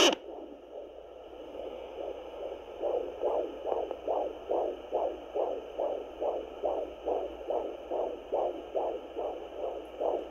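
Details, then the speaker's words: Fetal heartbeat found with a home handheld Doppler on the mother's belly at about 17 weeks of pregnancy: rapid, regular whooshing pulses at about 140 a minute over steady device hiss; a normal rate. "that was a pretty find if I would have to play around more but there I was not prepared"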